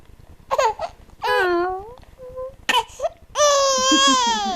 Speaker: hi you're so cute when you cry yes you are